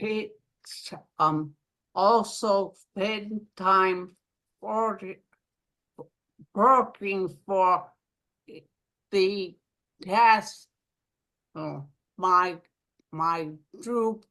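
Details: Aphasia following a stroke in an adult woman living in Rhode Island; aphasia.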